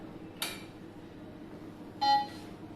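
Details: A brief click, then a short electronic beep as a Maquet SERVO-i ventilator is switched on; quiet room hum behind.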